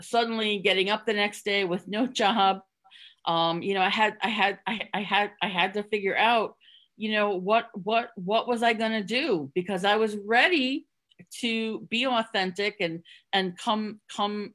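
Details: Adult woman who stutters, covertly hiding it with tricks and avoidance for close to 30 years before becoming open; word and part-word repetitions heard; stuttering.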